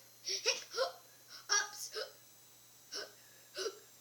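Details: Acted hiccups in a children's play episode: repeated short, sharp, voiced 'hic' bursts with pauses between them.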